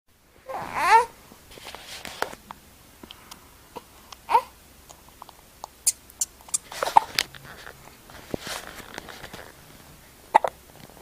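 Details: Infant, soft sudden squeaky catches recurring irregularly in a quiet room alongside infant fussing: hiccups.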